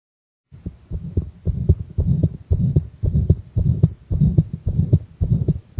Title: Pressure and breath-hold heart sound !